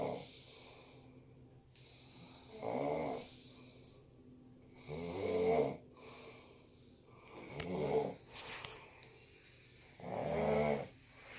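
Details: Snoring: rhythmic rattling snores at about 24 per minute, each a rough vibrating intake with quiet gaps between.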